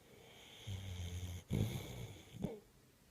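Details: Two low, rumbling snore-like breaths with a snorting quality, heard in a sleeper; snoring.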